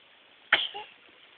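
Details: Infant playing while seated in a Bumbo seat, giving a single small, sharp sneeze that fades quickly in a quiet room; sneeze.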